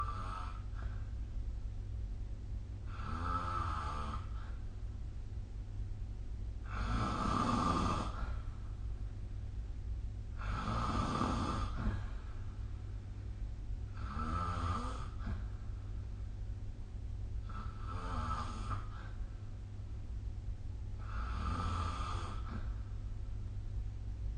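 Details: Snoring recorded with the SnoreLab phone app: rhythmic rattling snores on each breath in, about 17 a minute, over a steady low background hum.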